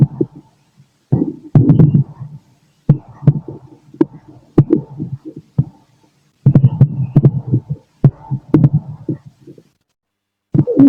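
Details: Late-night self-recording from an adult male's own body by stethoscope: irregular gurgles, low rumbles and sharp clicks of active bowel sounds while digesting the day's food, over faint thumping heartbeat; normal bowel sounds with heartbeat.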